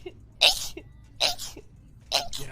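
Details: Three quick sneezes in a row, each a sharp burst of air after a short intake; rapid repeated sneezing, from a compilation.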